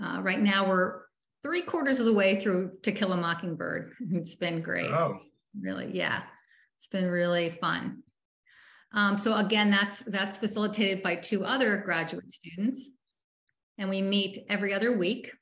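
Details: Adult woman speaking; normal speech.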